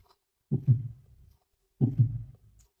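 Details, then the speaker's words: Tricuspid regurgitation murmur heard at the tricuspid area, cardiac auscultation: slow heartbeat, about two beats in under three seconds, each followed by a low sustained murmur. "التريكاسبد بنسمع تريكاسبد ريجيرج."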